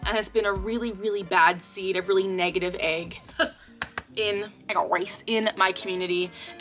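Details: 24-year-old woman with Tourette syndrome; a recurring vocal tic phrase occurs mid-sentence. Vocal tic (Tourette syndrome).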